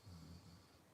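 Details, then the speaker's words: Sleeping puppy said to snore badly: a low, rumbling, snort-like snore heard as one brief breath. "hear that snoring that's not Tommy that's Shelby the puppy she snores so bad"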